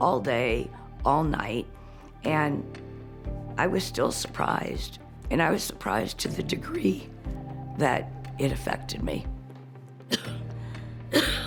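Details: Woman, former pediatric and neonatal intensive care nurse, with refractory chronic cough; persistent coughing paralyzed a vocal cord, changing her voice from how it sounded before; vocal cord paralysis voice change.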